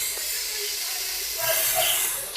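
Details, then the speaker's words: Manual blood pressure measurement taught with a stethoscope: a steady airy hiss as the fully inflated cuff deflates through its release valve, turned to the left. The sounds heard through the stethoscope then stop, giving the reading. "So it will deflate back during during the process of it deflection."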